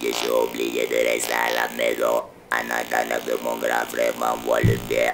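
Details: Adult man whose larynx was removed for cancer, with malignant lymph nodes also removed, speaking French with an electrolarynx, which he has used since the surgery; electrolarynx speech.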